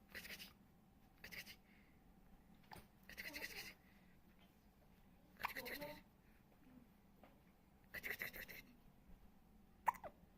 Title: Hiccups, cutie